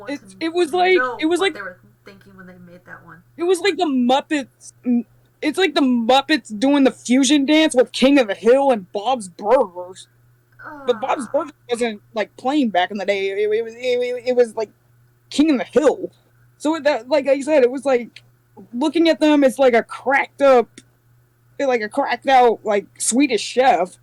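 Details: Adult speaker; plain speech.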